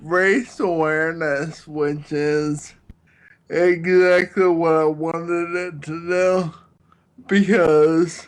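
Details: Ataxic dysarthria in a man with Friedreich's ataxia, a neurological disease affecting balance, coordination and his speech.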